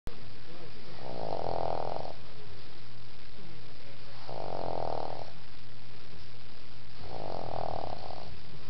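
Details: Snoring from a sleeping dog lying between a person's legs: three slow, regular rumbling bursts, about 20 breaths a minute.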